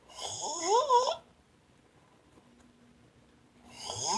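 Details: Child snoring, heard from another room: loud, rattling, tonal snores on breathing in, separated by quiet pauses.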